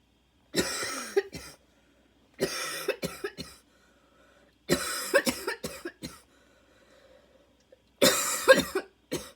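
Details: Second coughing fit, minutes after an earlier one, with lungs struggling and an inhaler badly needed. Four harsh barking coughing bouts, each a loud burst then rapid smaller coughs, with faint whistling wheeze between; barking cough with wheeze.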